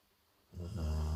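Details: Golden retriever dog snoring: a single brief, deep, rumbling snore that starts after a short silence.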